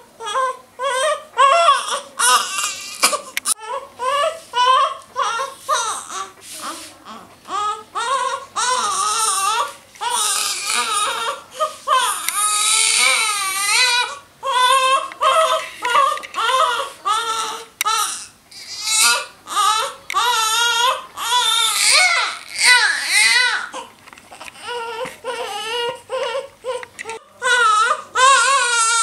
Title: Newborn baby crying for mother milk ❤ II Shreyansh Talk